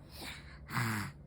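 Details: Child, asked by mother how papa snores, makes a short snorting, rumbling inhalation imitating an adult's snore.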